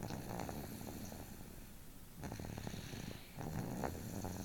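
Low rattling snore on the in-breath, in two bursts with a quiet gap between; ordinary snoring.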